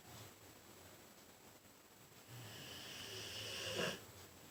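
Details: American Bulldog sleeping: quiet breathing followed by a single rough, rattling inhaled snore in a quiet room.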